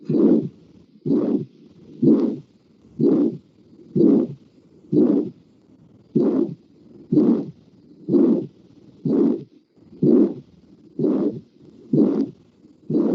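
Regular harsh whooshing murmur with each heartbeat, about 62 a minute, typical of aortic stenosis.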